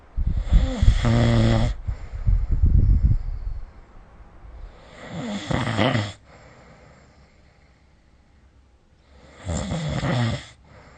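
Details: Snoring during sleep, recorded with the SnoreLab app: three loud, rattling snores on inhalation, about every four seconds, with quiet pauses between them.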